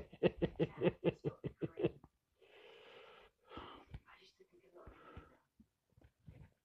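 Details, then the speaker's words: Cat sneezing: a rapid run of short snorting puffs, then a hissing burst and soft snuffles in a quiet room. "Oh, cough, cough. You sneezed. You sneeze."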